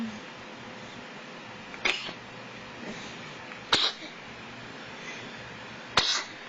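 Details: Sneezing: three short, sharp sneezes about two seconds apart in a quiet room.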